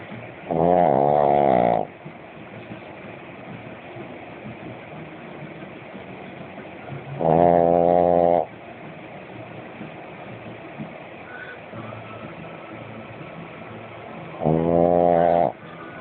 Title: My puppy harley snoring